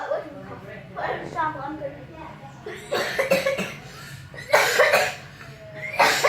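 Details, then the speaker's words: Child coughs spontaneously, three sharp explosive bursts in quick succession after a brief murmur, quiet room; a real, not fake, cough. "That's a real cough though. I'm not joking, that's a real cough though. People can't make fake coughs that do that."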